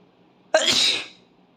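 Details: Asian boy sneezing after being tickled with a tissue.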